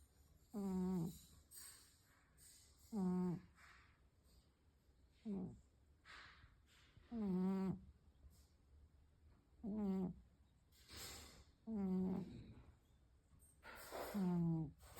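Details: Rhythmic tonal snoring from a sleeping pet, with a voiced, slightly falling note on each breath.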